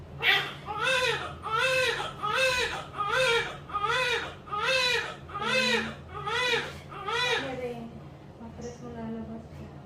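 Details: Loud, rhythmic crying in repeated bursts, about 75 per minute and easing toward the end, from a newborn right after a normal vaginal birth: vigorous newborn cry.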